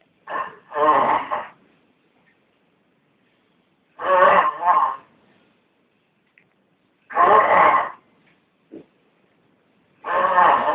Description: The worst snore ever